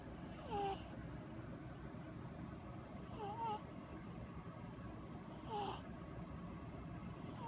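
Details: Light snoring of a sleeping orange cat: soft, brief snorts with a faint whistle about every two and a half seconds over steady room noise.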